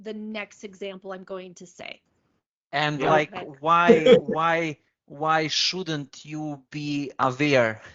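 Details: Adult woman, a comedian, who began stuttering at age eight, speaking in an interview; stuttering.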